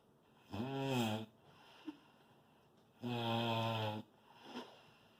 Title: snore loud